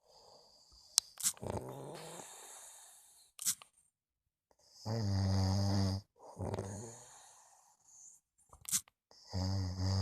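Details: Loud, buzzing, motor-like snores likened to a motorbike, with quieter hissing breaths between, about one every few seconds, from a sleeping dog. Snoring.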